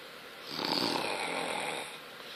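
A single rough, rattling breath noise lasting over a second, consistent with a snore.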